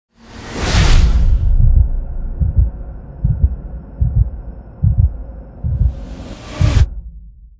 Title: [SOUND EFFECT] CINEMATIC TRANSITION SWOOSH HEARTBEAT TRAILE FREE DOWNLOAD LINK